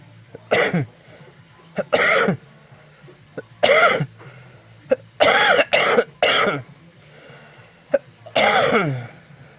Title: SONIDO DE TOS - PERSONA TOSIENDO - TOS DE ADULTO - SOUNDS NATURAL